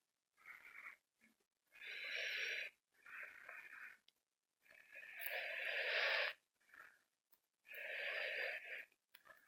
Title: Playing subway surfer sorry for the weird noise in the background it was my breathing